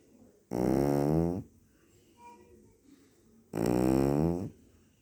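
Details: Small sleeping dog: two drawn-out, buzzing, nasal snores about three seconds apart with quiet breathing between them; snoring.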